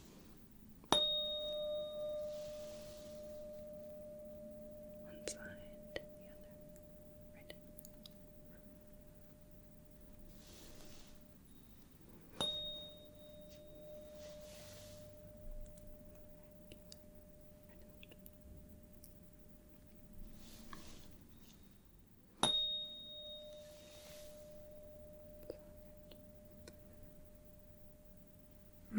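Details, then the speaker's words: Tuning fork struck and placed on the forehead for a Weber hearing test in a role-play ASMR physical examination: struck three times, each a clear ringing tone fading slowly. "so I am going to be striking the tuning fork and putting it right on the forehead here I want you to just tell me if you hear it on one side the other or right in the"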